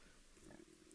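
A quiet, low, grunting rattle from a sleeping dog's nose and throat against faint room noise; dog snoring.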